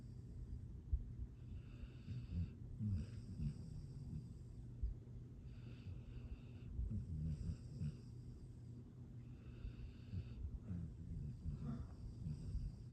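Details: A sleeping, contented female pet snoring: soft, low rumbling snores in slow repeating cycles, about five across thirteen seconds; ordinary snoring.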